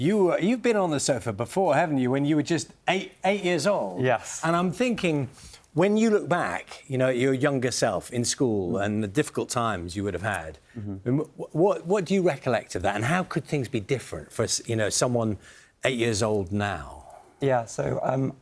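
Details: Adult male speaker; fluent speech.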